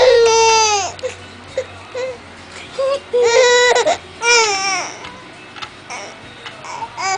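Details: 6-month-old Filipino baby in an exersaucer: loud wailing cries breaking into whimpers and fussing, with background music; infant crying.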